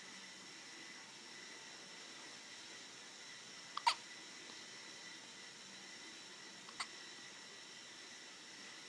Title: Day-20 New born baby Hiccup 딸꾹~ 신생아딸꾹질